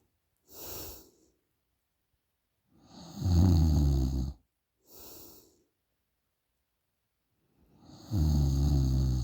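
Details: Girl snoring during a short nap: slow breathing with loud, rattling snores on each in-breath and softer airy out-breaths, about two cycles in nine seconds; snoring.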